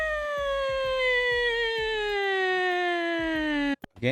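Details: Normal voice demonstration in a laryngeal lecture: pitch varies with vocal fold length and tension, cricothyroid lengthening folds to raise pitch and thyroarytenoid shortening them to lower it; normal pitch change with vocal fold length.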